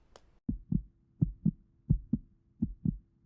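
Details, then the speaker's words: Cartoon sound effect of a strong, steady lub-dub heartbeat, about 75 a minute, heard through a vet's stethoscope on a toy monkey with hiccups; simulated, not a real recording. "Strong heartbeat."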